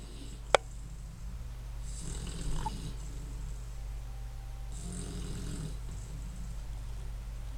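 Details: Snoring: soft, airy snoring breaths about every three seconds over a low room hum, with one sharp click near the start.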